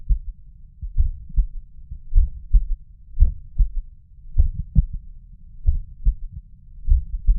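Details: Third heart sound (S3) at the mitral valve area (apex): low, muffled heartbeats with an extra soft low thud after the second sound.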